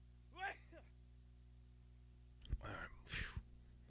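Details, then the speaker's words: Adult's sneeze, self-described as insanely loud, like a double bass solo; sneeze. "I scare the whole neighborhood when I sneeze, man. Loud. I'm a screamer, as they say when I sneeze."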